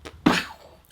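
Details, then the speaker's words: One short, harsh cough burst in a small room from a woman on her fourth cold of 2019, under severe stress since December; cough. "I'm on my fourth cold of 2019 the amount of stress that I've been under has been so severe since about December that it's amazing I'm standing up"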